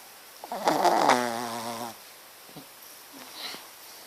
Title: my shih tzu dog ''Matilda'' snoring